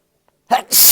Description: Just some sneezes for y’all no talking.